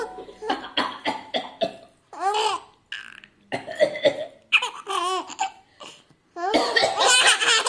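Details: Adult coughing, a run of short, sharp coughs, while an infant laughs with bright squeals throughout; cough.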